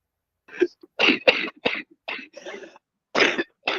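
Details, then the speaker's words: Adult woman coughing during a livestream: a run of short, harsh coughs separated by brief pauses. "sorry about my coughing."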